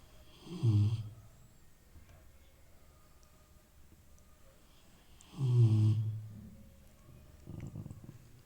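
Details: Sleeping Rottweiler snoring like an old man: deep, low rumbling snores about five seconds apart, with a softer breath between.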